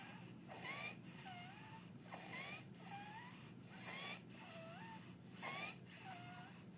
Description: My 2 year old daughter at rest in bed with Croup - after hospitalization, presenting with barking cough, stridor and distressed breathing and depressions in the chest.